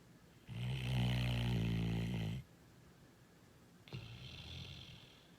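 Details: Snoring: a loud, rumbling, fluttering snore on the in-breath, followed by a quieter breath; ordinary snoring.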